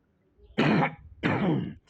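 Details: Adult male politician, reportedly under medication, interrupted mid-speech by coughing: two harsh, throaty coughs in quick succession with a rough throat-clearing quality.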